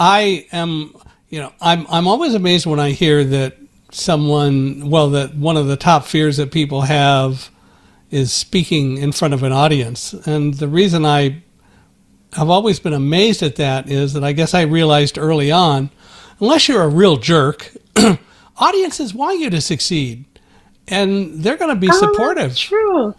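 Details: Adult man speaking; ordinary speech.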